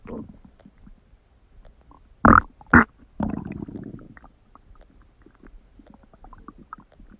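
Loud gurgling stomach rumbles with two sharp bursts and a longer bubbling gurgle, between quieter intestinal sounds.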